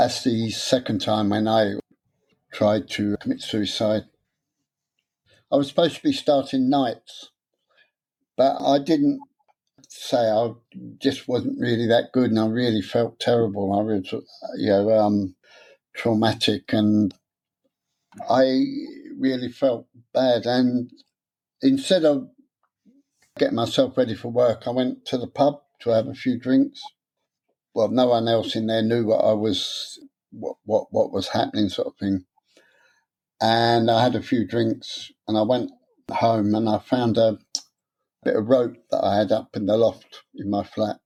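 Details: Adult man with stuttering since about age seven, beginning after childhood trauma; he later attended a three-day adult therapy course.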